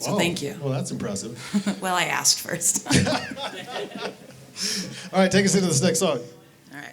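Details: Adult male speaker; normal speech.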